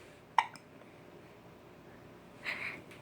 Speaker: You got the hiccups. Peekaboo. Peeka. Boo.